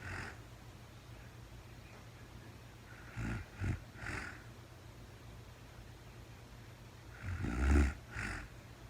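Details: Real-time recording of a woman sleeping overnight after being very tired, no talking: low, rough snorting breaths recurring in bursts over a steady background hum. Snoring.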